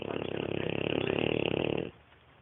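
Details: Neapolitan Mastiff puppy just under 6 months old, sleeping, snoring that the owner calls fairly mild for him: a loud, rattling, vibrating snore lasting about two seconds, then quiet.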